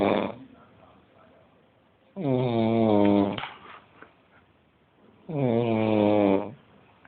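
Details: Adult woman snoring while asleep in bed, louder than usual for her: two long, rattling inspiratory snores a few seconds apart, with quiet breathing between.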